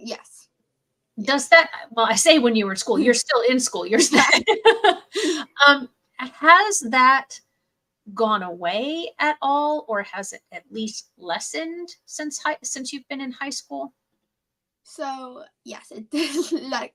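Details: Adult woman speaking, with a brief reply that may be a second speaker; normal speech.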